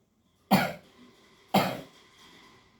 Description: By the way, I was faking the cough just for the sake of the video 😅😂🤣